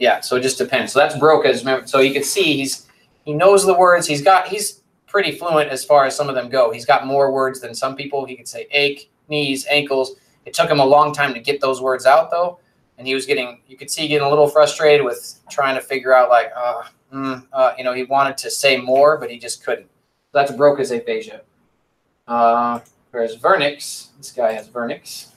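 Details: Adult male lecturer; normal speech.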